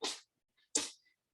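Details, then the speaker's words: Pet cat sneezing during a spoken recording; sneeze. "I'm sure you all can hear that pip is sneezing um that's gonna sound great on Spotify so in case you guys are listening and you want to know what that was that's my cat sneezing"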